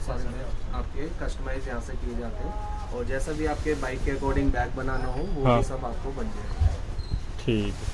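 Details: Adult male speaker; normal speech.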